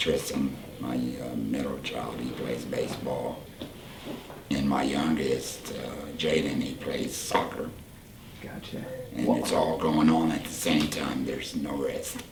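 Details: Tracheoesophageal speech from a 38-year-old man whose voice box was removed (laryngectomy) for cancer about four years earlier; he speaks using a voice prosthesis with an HME.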